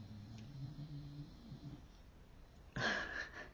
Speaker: My dog is snoring now. I don't know if you can hear him, but um.